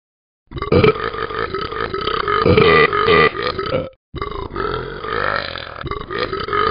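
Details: Long, loud, rumbling belch from cartoon character Talking Ben the Dog in a game app, not a real person; burping.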